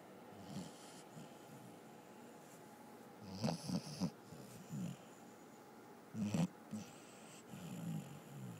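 Soft, irregular snuffling snores and snorts over a hissy background, a few grouped in quick runs; a sleeping dog snoring.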